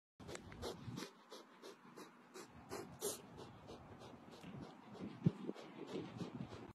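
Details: Baby muskox making a run of short, sharp nasal bursts, sneezes and snorts through the nose.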